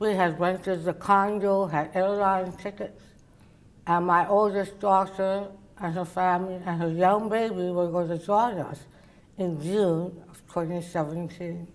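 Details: Adult woman, oral cavity cancer survivor treated with partial glossectomy and tongue reconstruction then radiation; her tongue cannot reach the roof of her mouth; others struggle to understand her; articulation disorder after partial glossectomy.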